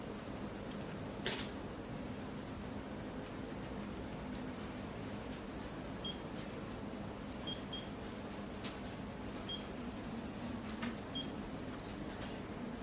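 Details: Faint short beeps repeat over steady room hum, marking pulses of an A0303 IPL/OPT/RF hair removal machine at 640 nm filter on gel-covered skin, using the faster hair removal mode.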